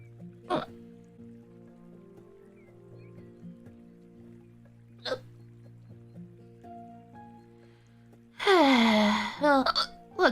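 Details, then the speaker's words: Two sharp, abrupt hiccups a few seconds apart, then a loud vocal outburst, over background music during a livestream; the streamer says her hiccups are super loud but don't hurt; hiccups. "sorry to hear about the hiccups it's okay they'll go mine sound like they hurt they don't hurt they're super loud but you know what can i do nothing"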